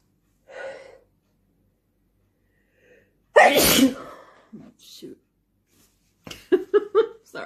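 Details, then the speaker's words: Wet spray sneeze after a tickle in the nose: one forceful, explosive sneeze after a quiet lead-in, then brief talk. "Need like windshield wipers. These are some crazy wet sneezes."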